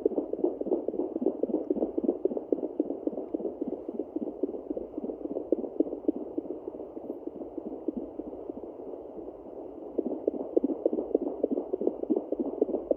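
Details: Pregnant Yorkie at day 49 of gestation, previously scanned for 3 puppies: fetal Doppler picks up rapid, rhythmic whooshing pulses around 210 per minute, a fetal puppy heartbeat, found with difficulty.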